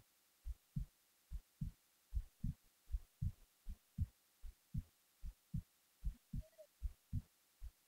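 Steady low thumps in pairs at about 77 beats a minute over a faint hiss, a normal resting heartbeat.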